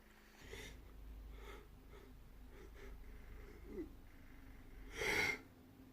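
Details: A faint breathy intake, then one loud explosive sneeze near the end, presented as a very loud sneeze; sneezing.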